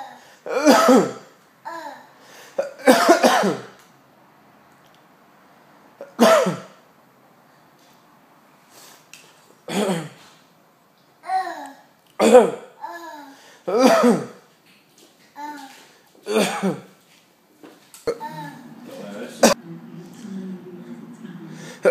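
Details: About seven sharp, deliberate voluntary adult coughs, with a baby's babbling and fussy cries between them; the baby dislikes hearing people cough.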